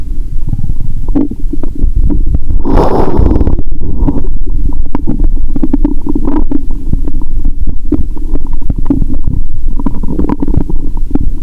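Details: Stethoscope on own abdomen around noon while very hungry; watery stomach sounds heard even near the heart; loud continuous low gurgling and rumbling with bubbling bursts: active bowel sounds (borborygmi).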